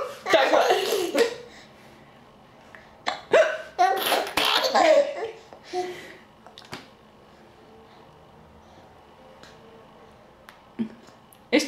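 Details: Baby laughing with short, sharp hiccup catches breaking into the laughter, then a few isolated hiccups amid quiet, while being offered food; hiccups, harmless and common in babies.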